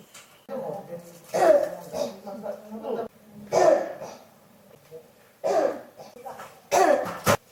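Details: Adult with a cough that won't stop: about four separate harsh, abrupt cough bursts with throaty voiced sounds between them.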